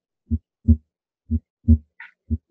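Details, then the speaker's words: Harvey cardiology simulator, normal condition, stethoscope at the base (right and upper left sternal border): heart sounds about 60 a minute, second sound louder than first, timed with carotid; normal heart sounds with louder S2 at base. "heart sound is louder as you would expect here at the base of the heart similarly it's still louder than the first heart sound"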